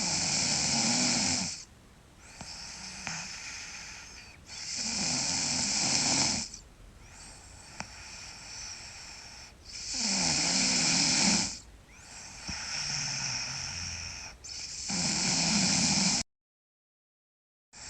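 Loud, rough snores on each breath in, about 12 breaths a minute, with quieter breathing out between them.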